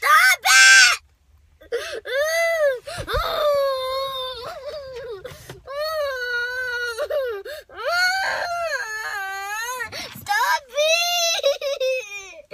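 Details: Child crying at gymnastics in a tantrum after having to put her papers back in her bag: long, rising and falling wails and sobs with brief gasping breaks; crying.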